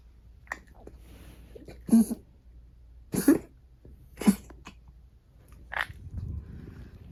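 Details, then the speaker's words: 13-year-old dog diagnosed with stage B2 heart disease, coughing since February, day and night, honking as if vomiting: several short, dry, honking coughs with hacking in between; cardiac cough. "콩순이가 이제 올해 13살 되었는데요음 2월부터 기침을 조금 하더라고요 처음에는 그 케케 되고 콜록 되는게 그 단순하게 감기에 걸렸나 싶어서 조금 지켜보려고 좀 내비 뒀 었어요"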